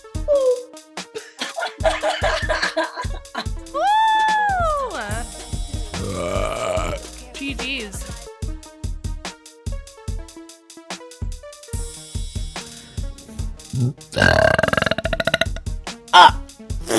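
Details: Woman in a burping contest lets out long, loud, voiced belches, with laughter and talk over background music.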